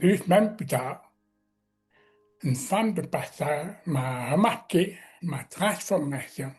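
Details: Man with severe-to-profound deafness who learned to pronounce letters, speaking French; deaf speech.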